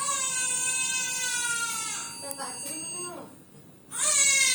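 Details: Newborn in NICU with jaundice under blue-light phototherapy, eyes shielded: high-pitched sustained cry with falling wails and brief pauses for breath, faint room noise; newborn cry.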